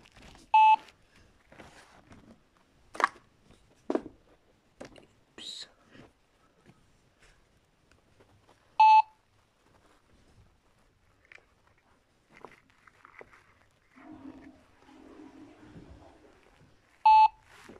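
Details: Three identical loud single beeps about eight seconds apart from a patient monitor, over a quiet room with soft movement and voices.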